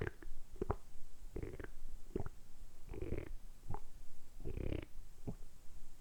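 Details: Low gurgling rumbles in repeated bursts, recorded close up from a man's belly, deliberately produced for ASMR; normal stomach rumbling, borborygmi.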